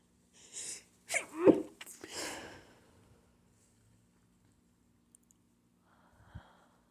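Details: A short run of partly held-back allergy sneezes with a catching intake of breath, then a faint muffled sneeze; stifled sneezing.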